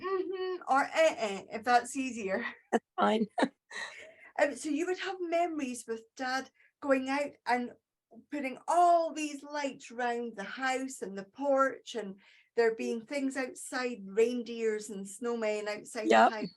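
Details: Adult woman speaking; normal speech.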